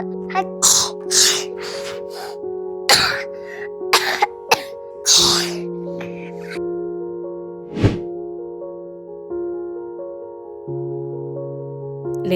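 A child's acted run of short, dry coughs and throat clearing over steady background music, imitating a cold.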